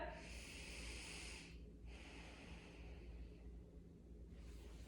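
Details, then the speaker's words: Head-to-toe assessment, patient seated and turned around, asked to take deep breaths while diaphragm expansion is checked: slow, deep, airy breaths with brief pauses; normal deep breathing. "i'm just gonna have you turn around and i'm gonna have you take deep breaths we're checking um for diaphragm expansion here go"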